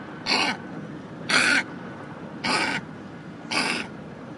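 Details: Pug with kennel cough, described as very contagious: four evenly spaced, harsh, honking cough bursts from a small dog.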